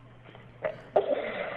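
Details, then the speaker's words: Child in respiratory distress with upper airway obstruction: two harsh breath onsets then sustained rough, high-pitched musical stridor. "this is a high-pitched noise, right? You usually hear it on inspiration. You usually don't need a stethoscope to hear this, right?"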